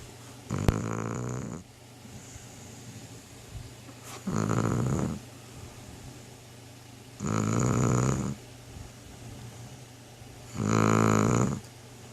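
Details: Roxie, a Shar-Pei dog, snores loudly with rattling snores while asleep, four breaths about three seconds apart; she slept all day.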